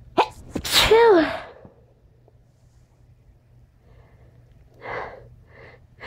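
One loud sneeze with a sharp intake and explosive burst, then quiet sniffling.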